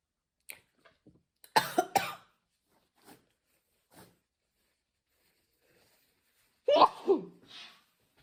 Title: Sneezing girls Covid-19 nasal swab test sneezing - කොරෝන පරීක්ෂණය කරන ටික්ටෝක් වීඩියෝ